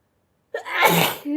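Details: A single loud, explosive sneeze after silence, with a brief voiced tail; an ordinary sneeze from a sneezing compilation.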